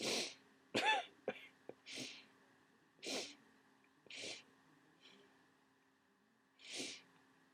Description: I was right. As the day's gone on I've got sneezier and started coughing.